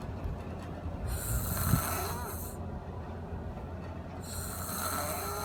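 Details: Loud, rough rattling breath noise over steady background rumble; snoring.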